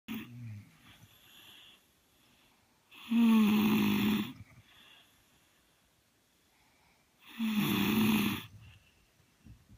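Two loud, rough, rattling snores about four seconds apart on the in-breath, with quiet breathing between; typical snoring.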